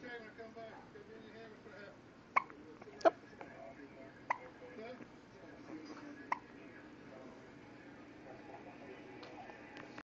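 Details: A 9-day-old baby with hiccups: four sharp, brief hiccup sounds at irregular intervals over quiet room noise and faint background voices.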